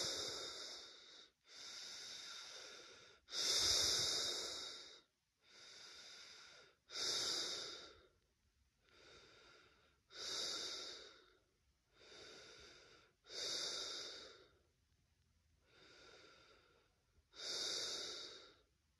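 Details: Laboured breathing in a person with a first positive COVID-19 test, chest feeling hard and trachea blocked: loud, airy, rasping breaths at about 17 a minute, each inhalation and exhalation clearly audible.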